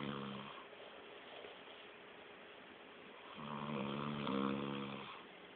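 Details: Adult man passed out asleep at a friend's, snoring like a chainsaw. Two low, buzzing, droning snores separated by a quiet stretch, with soft room noise: loud, tonal snoring.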